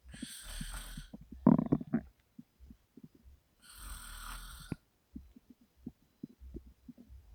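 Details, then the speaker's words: Adult woman asleep, snoring with mouth open: soft gurgles and bubbling pops from the abdomen with two slow hissy breaths, excessive stomach grumbling (borborygmi) during sleep. "Can you believe me now when I say my stomach grumbled too much?"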